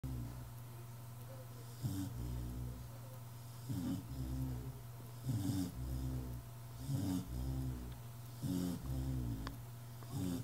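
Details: Snoring during sleep: low rattling snores repeat in a steady rhythm with quiet pauses between them.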